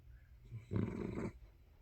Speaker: the exquisite snore of Budgie, the blanket dog.